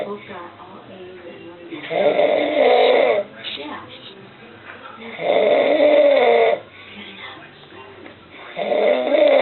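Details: Snoring during sleep in an adult man (father): slow, loud, rough snores about a second long, roughly every three seconds, with muffled talk in the background.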